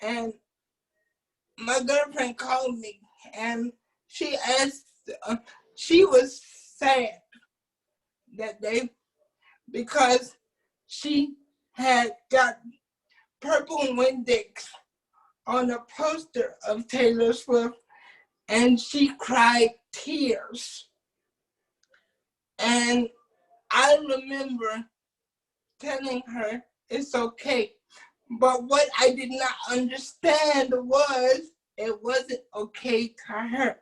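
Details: Adult man with cerebral palsy who uses a wheelchair, whose family was told by doctors at birth that he would not be able to speak; dysarthric speech in cerebral palsy.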